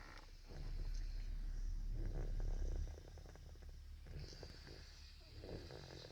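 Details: A 2-year-old boy in deep sleep who will not wake despite every effort snores with low rumbling breaths while he is handled, with rustling in the background.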